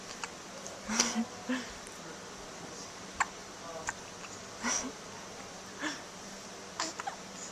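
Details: Double hiccups from identical twins, recorded on a Flip Video camcorder: several short, abrupt gulping sounds at irregular intervals, about seven in seven seconds, over quiet room noise.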